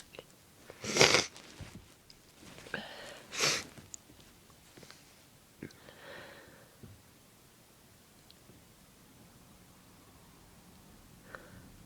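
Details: Induced sneezing: two forceful sneezes with sniffing in between, followed by quieter nose-blowing sounds; sneezing.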